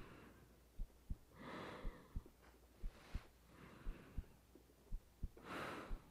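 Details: A woman's heartbeat recorded in bed for a sleep roleplay with rain in the background. Soft paired thumps at about 70 a minute under breathing and a steady rain-like hiss; a normal heartbeat.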